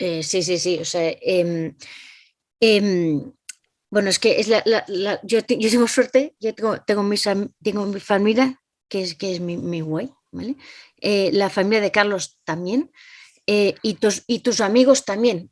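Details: Adult Spanish-speaking woman with aphasia following a stroke (cerebrovascular accident); aphasia.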